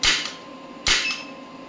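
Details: Electromagnetic radial shockwave therapy applicator firing on an elbow joint at 1 Hz, with energy being increased from 5 mJ toward 65 mJ: two sharp, loud snapping pulses about a second apart.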